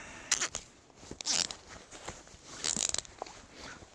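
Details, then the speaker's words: Timed application of a STAT tourniquet on a leg: the rubber band is removed and the strap extended, wrapped, tucked and pulled tight, heard as scratchy rustling and scraping bursts. "all right guys we're going to try out this stat tourniquet see how quick it is to apply it so similarly gone down you remove this rubber band extend it you can wrap it around tuck it in here"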